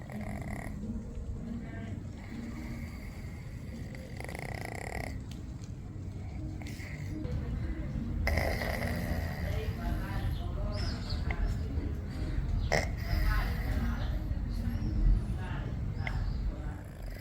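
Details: Cat snoring very loudly in sleep: continuous low, rough, fluttering rattling snores over background noise; heavy snoring.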